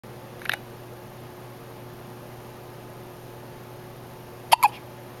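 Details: Two brief, sharp hiccups about four seconds apart, the second a quick double catch, in a quiet room with steady hum; hiccups.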